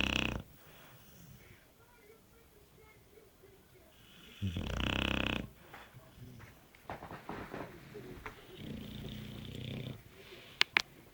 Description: dog snores for england